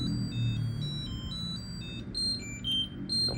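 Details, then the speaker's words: Terumo TE-LF600 infusion pump with drip sensor sounding repeating high electronic beeps for abnormal flow, unstable drip, during a bolus demonstration; possibly running too fast. "Abnormal. Kita bisa pencet. Tetesan enggak stabil, pastikan alat pada saat infus, ya."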